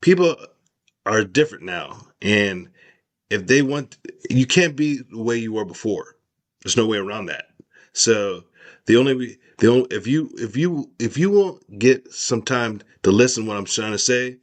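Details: Adult male with aphasia after a stroke in which part of his brain died, with word-finding difficulty: aphasia (word-finding difficulty).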